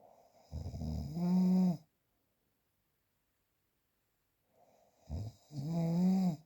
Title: The sound of - Snoring #4